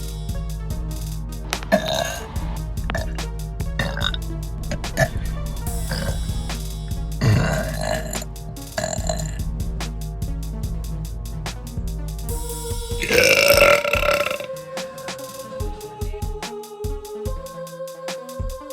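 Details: Girl burping deliberately after eating a chicken sandwich: several low, croaky belches over background music, the longest drawn out near the end; burping.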